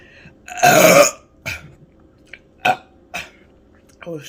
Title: Drinking Dr. Pepper +Loud Burping